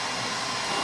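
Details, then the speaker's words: Aerolase 1064 nm microsecond laser in use on the face of a dark-skinned patient treated for melasma, also removing fine facial hairs: a steady, loud whooshing hum of the laser unit running. "you guys can see any little hairs that you have there they're getting attracted by laser so you can get a little hair removal for free which is great"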